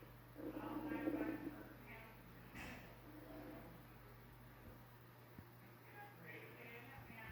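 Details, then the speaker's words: Adult's stomach rumbling loudly after a breakfast of pancake, Rice Krispies cereal, orange juice and milk; recorded over the abdomen with a shirt covering it; borborygmi. "My getting my stomach's rumbling up the storm."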